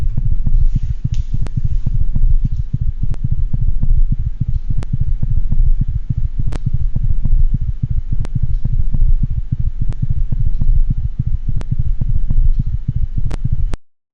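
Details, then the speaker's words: Cat with S3 gallop: rapid, muffled heartbeat with an extra early-diastolic sound and some arrhythmia. "and finally we're going to listen to an s3 gallop and a cat this cat also has some arrhythmia on this recording"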